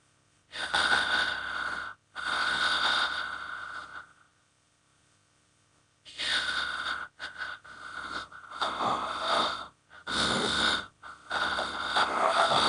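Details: A simulated dog snoring sound effect: repeated long noisy breaths with a steady whistling tone running through them; snoring-type breathing with a wheezy quality.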